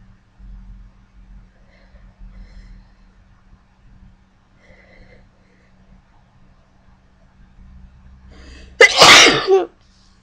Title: more sneezing